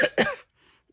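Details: Adult with a common cold: two short, loose coughs or throat clears.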